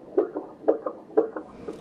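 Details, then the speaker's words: Heart-transplant recipient's donor heart recorded for a keepsake bear: steady paired lub-dub heart sounds at about 120 beats a minute, clear and regular: heartbeat. "that it wonderful it is the sound of heart I'm recording the heartbeat and I'm putting inside of a little bear"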